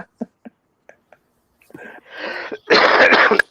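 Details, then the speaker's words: Adult with a lung problem: a few faint clicks, then three harsh, breathy, deep-sounding coughs building to a loud, drawn-out final one, coughing behind a hand in a small room. "also got a thing going on with my lungs, so I apologise for the coughing. Yeah, that sounds deep."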